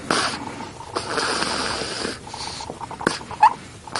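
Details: A baby, 10 days old, snoring while asleep: hissing, snorting breaths through nose and throat, two long noisy cycles with short snorts between.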